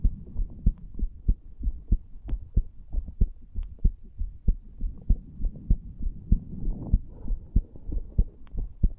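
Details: 34-year-old male lying on a bed, recorded at the tricuspid area after cigar nicotine and "green stuff": steady low lub-dub heartbeats at roughly 95 a minute with a faint hum; normal heart sounds, slightly fast rate.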